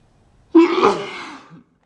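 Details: Girl sneezing: a single sudden voiced burst of breath that fades over about a second.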